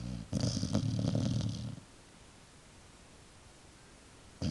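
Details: Dog (Wilma) falling asleep: one loud, rough, rumbling snore lasting about a second and a half, followed by quiet; snoring.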